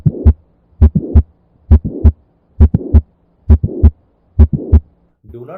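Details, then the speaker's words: Mitral valve prolapse (floppy valve, Barlow syndrome): regular heartbeat near 67/min with a mid-systolic click from chordae stretching, followed by a short late systolic murmur. "the first one is going to be mid-systolic click which is due to the undue stretching of the chordated DNA and subsequently there would be a late systolic murmur due to defective cooperation of the valley floods"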